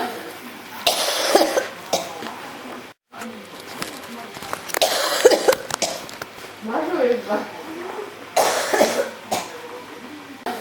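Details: Repeated harsh cough bursts from an adult with a persistent, unstoppable cough, in about three bouts over ten seconds, with voices nearby.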